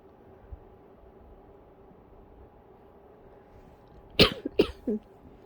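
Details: After about four seconds of quiet room noise, two sharp coughs muffled into a pillow while trying to be quiet, then a softer third: a brief coughing fit.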